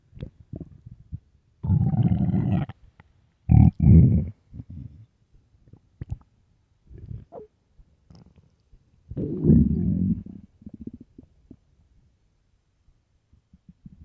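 Loud, low gurgling rumbles in bursts with quiet gaps between; ordinary stomach growling from an empty, hungry stomach.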